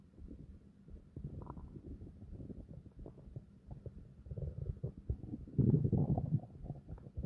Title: Long and deep stomach growls to relax